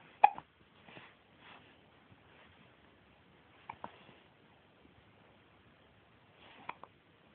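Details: Hiccups: three abrupt, brief gulping hiccups several seconds apart, with soft breathing between, in a quiet room.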